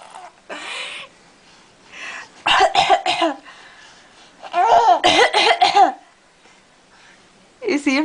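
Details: Infant boy fake-coughing deliberately for a parent's reaction: short, deliberate cough-like bursts mixed with voiced babbling, a playful voluntary cough, not illness.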